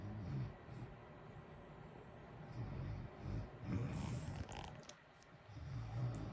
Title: natural snoring ambience with heater white noise in the background blue wavey lights. Sleeping good